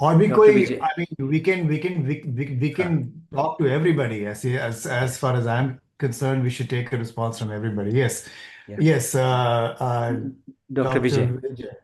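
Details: Adult man who says he stammers and is wired that way: stuttering.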